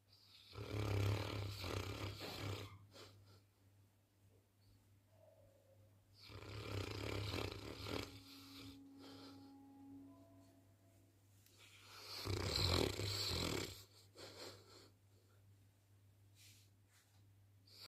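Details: Three loud, rough, rumbling inspiratory snores about six seconds apart (roughly 10 breaths a minute) from a sleeping Saint Bernard dog, over a steady low room hum; snoring.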